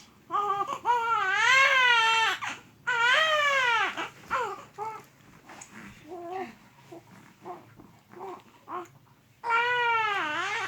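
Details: Infant sick with flu and cough; loud, high-pitched wailing cries in long bursts with gasping pauses and softer whimpers between, over music: infant crying while unwell.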